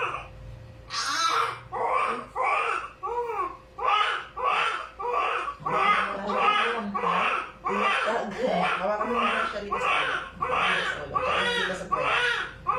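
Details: Newborn baby boy crying right after normal vaginal delivery at a clinic: repeated short crying bursts, about 88 a minute, in a small room with faint background music; a normal vigorous cry after birth.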